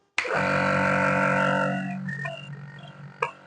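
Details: A Philips nebulizer compressor, just repaired after a failed motor winding, switches on abruptly and settles into a steady, loud droning hum, running normally.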